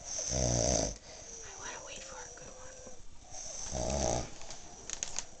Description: A glimpse of how my husband snores, while my sister and I just keep laughing.